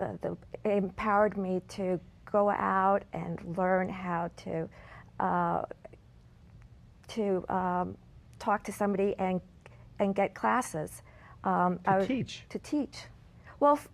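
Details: Aphasia in an adult woman after a stroke at age 40 in 2003 that left her unable to speak; she relearned words through aphasia therapy; real speech.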